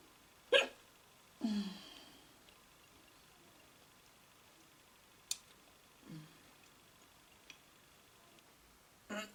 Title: Girl gets the hiccups after breakfast #hiccups